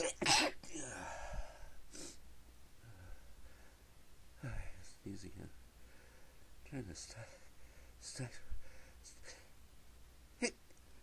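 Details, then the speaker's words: Repeated sneezing fit the person tried to stifle without success: a series of muffled, partly stifled sneezes with sharp inhalations between them, in a quiet room. "Oh man, I can't stop. Sneeze."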